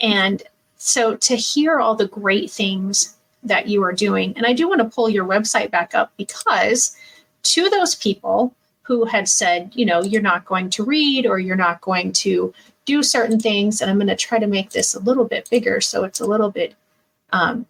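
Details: Adult woman speaking; typical speech.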